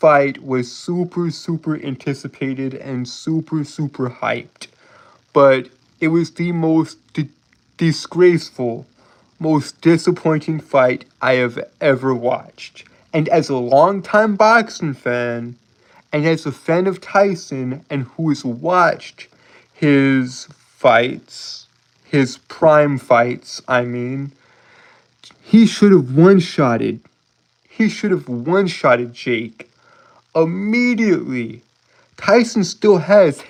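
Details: Adult male streamer's self-reported speech impediment causing stuttering and tripping over words, with frequent phrase repetitions; stuttering.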